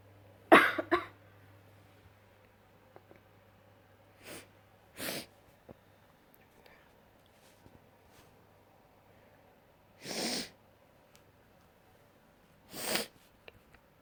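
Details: Person giving wet sneezes: about five short, wet, explosive bursts over fourteen seconds with a quiet room between them, fitting repeated sneezes.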